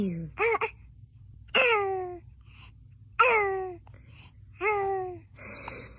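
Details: Three sharp bursts, each followed by a brief high-pitched squeak, with adults saying "bless you" in a small room: infant sneezes.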